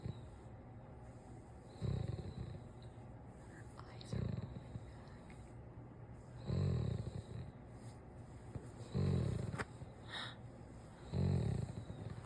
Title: Clover living her best life 😂 #doberman #snoring